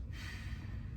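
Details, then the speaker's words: An adult patient takes a single brief, soft deep breath in on request while the examiner auscultates the anterior chest with a stethoscope during a comprehensive physical assessment, with low room rumble; normal deep inspiration. "I'm going to listen to the breath sounds. While I'm right here, I'm going to ask the patient to breathe in."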